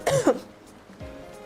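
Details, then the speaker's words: Cough from an adult streamer who was recently sick with a persistent cough and a worsening hoarse voice. "All right, I'm cleared up. I apologize for that. I got sick recently and I've had this like persistent cough."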